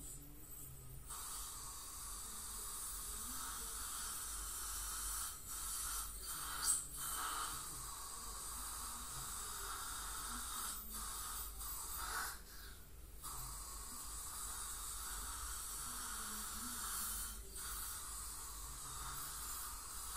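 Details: Professional teeth cleaning (scaling or full-mouth debridement) by a dental hygienist on a patient with heavy plaque and tartar and possible gingival inflammation: steady high-pitched ultrasonic scaler hiss and suction noise with brief gaps.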